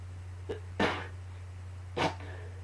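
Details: Two short sneezes with a faint intake before the first, over a steady low electrical hum, during a coughing fit combined with allergies.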